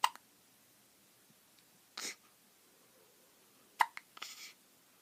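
A few sharp, short catches with small breathy sounds between them, in keeping with a baby's hiccups.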